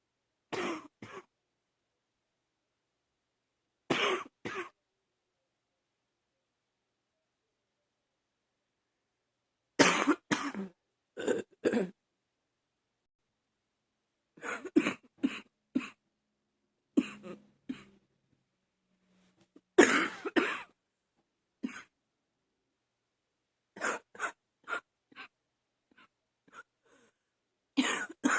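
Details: Adult who woke up this morning coughing, attributed to allergies, with wheezing: repeated harsh barking coughs in short clusters with quiet pauses between bouts: barking cough.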